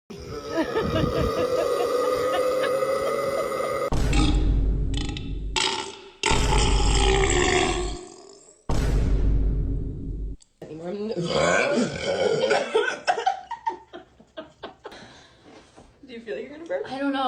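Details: Several long, loud, rumbling burps in a row after drinking Sprite during a loudest-burp challenge, with background music.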